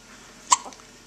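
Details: Recorded with a Flip Video camcorder: one sharp, sudden hiccup followed by a brief, faint after-sound; hiccup.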